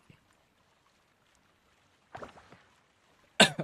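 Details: Throat clearing from a person during a live reading of a book, amid talk.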